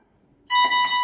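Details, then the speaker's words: Ventilator pre-use device check, low-priority alarm signal test: a quiet room, then a steady electronic alarm tone that is both seen and heard; ventilator low-priority alarm. "Sinyal alarm prioritas rendah terlihat dan terdengar. Ya."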